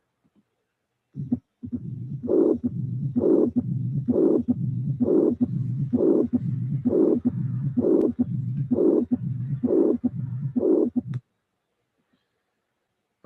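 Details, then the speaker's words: Heart sounds of a stenotic and regurgitant mitral valve: regurgitant systolic murmur plus diastolic stenosis murmur; mixed mitral stenosis and mitral regurgitation. "putting together you have that means that you have regurgitation and stenosis regurgitation and stenosis"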